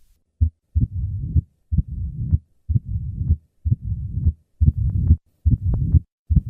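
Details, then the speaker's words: Mitral stenosis: regular beat near 65 a minute, increased S1, opening snap, low-pitched diastolic rumbling murmur filling much of each cycle. "The murmur of mital stenosis becomes louder with maneuvers that increase heart rate."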